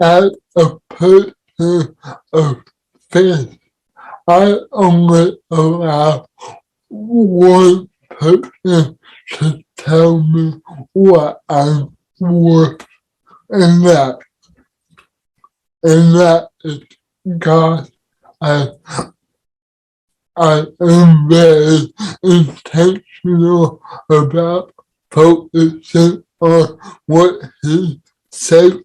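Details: Dysarthria in an adult man with cerebral palsy, speaking as a podcast guest.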